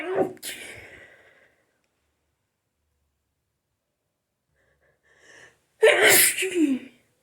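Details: An adult has a sneezing fit after a shower: two forceful sneezes, the second preceded by a sharp intake of breath.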